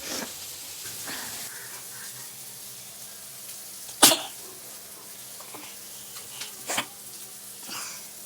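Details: Sneezing challenge, apparently with snuff: two sharp, explosive bursts of air against low room noise; sneezes.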